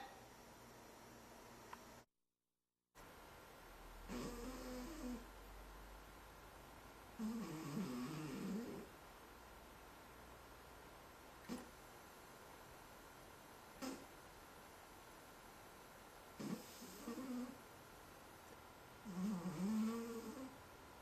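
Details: Overweight pet cat asleep: four soft, rough snoring breaths over about 20 seconds, with faint room noise between; snoring.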